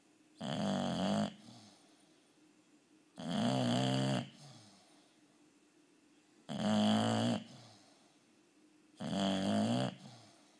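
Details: Bulldog snoring: four loud, rattling snores about every three seconds, roughly 21 a minute, with quiet exhalations between; the owner says to turn the volume up.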